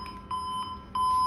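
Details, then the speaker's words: Endoscopy electrocautery troubleshooting: stepping on the pedal sets off repeated high steady beeps, an electrosurgical generator alarm usually meaning the patient return pad is not connected properly. "i'm going to just show you two brief problems one is when you get an alarm signal okay you step on the pedal"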